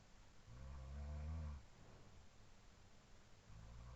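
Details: Real overnight sleep recording, looped from 4:17–4:20 AM after falling asleep about 2:10 AM: a single low, rumbling snore from a roommate over steady room hiss, then quiet sleep breathing.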